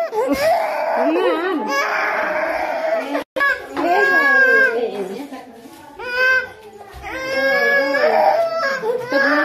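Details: Baby crying loudly and continuously in sustained wailing bursts after a painful injection.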